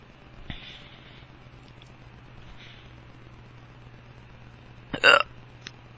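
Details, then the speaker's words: Drunk man with powerful hiccups persisting after several tries drinking water: a few sharp, abrupt throat catches over a quiet room, one much louder than the others. "I still have hiccups. Oh my god, my hiccups are not taking the water."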